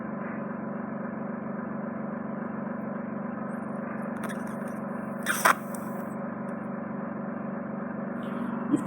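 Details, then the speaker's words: Endoscopic ear wax microsuction (E-suction) of a man's ear, occluded by wax and dead skin, leaving him barely able to hear; steady suction drone with a wet slurp as a large ribbon of dead skin is drawn out. "a large ribbon of dead skin that's just hanging out of the ear yeah I can feel I can feel it yes can wrap a present with that wow oh goodness me that's"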